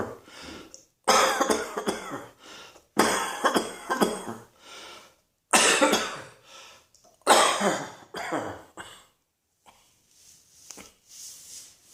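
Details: Adult coughing repeatedly: harsh, forceful coughs in separate bursts with quieter breathing between them, in a small room.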